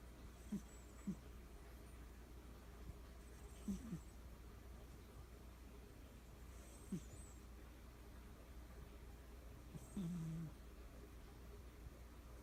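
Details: Quiet, brief snorting sounds about every three seconds, roughly 19 breaths a minute, over low room hum as she sleeps, her usual sleep; faint, volume may need raising: snoring.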